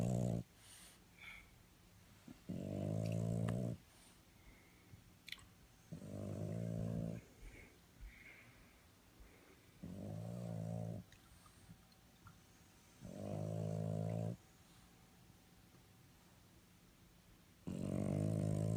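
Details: Dogs sleeping after a 3-mile run and 1-mile skateboard: loud, deep, rattling snores about every three to four seconds, roughly 16 a minute, with quiet pauses between; dog snoring in sleep.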